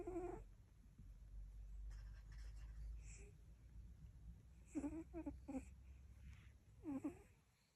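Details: Cat snoring while asleep: a low, steady rumble under short squeaky, whistling breath sounds in quick clusters.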